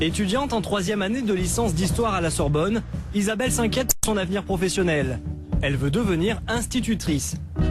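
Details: Adult female narrator; normal fluent speech.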